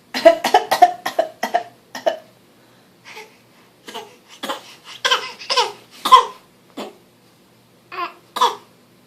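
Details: Young child deliberately fake coughing on request, making short cough sounds in quick clusters, some with a giggly edge.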